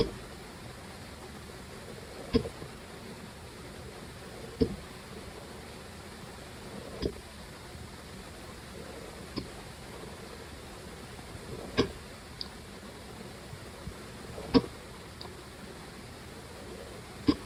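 Brief sharp catches recur about every two to three seconds, roughly 22 a minute, over a steady hiss of room noise: hiccups.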